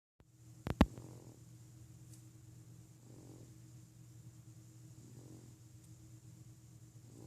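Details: 6-month-old infant snoring: soft, low snoring breaths about every two seconds under a steady room hum, after a couple of sharp knocks.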